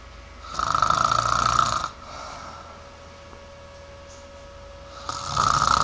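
Loud rattling snores on the in-breath, separated by a quiet out-breath: ordinary snoring.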